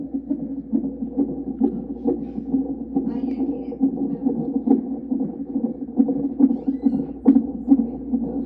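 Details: Fetal heartbeat monitored on Doppler over the pregnant mother's abdomen: rapid, rhythmic whooshing pulses, about 140 a minute, over a steady hum.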